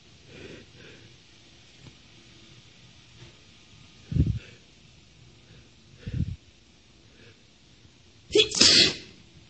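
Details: Woman sneezing: two soft inward build-up breaths, then one sharp, hissing sneeze burst near the end; an ordinary single sneeze.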